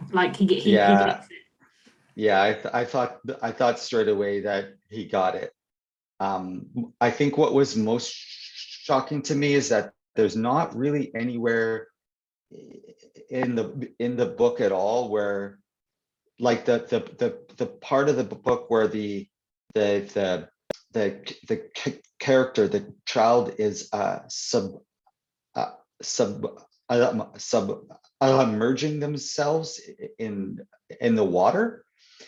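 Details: Stuttering (stammering) in an adult man who stutters, real conversational speech, with word and phrase repetitions.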